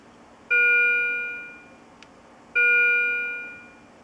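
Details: Two clear electronic chime tones about two seconds apart, each ringing and fading, from a Philips IntelliVue MP70 bedside patient monitor alarm.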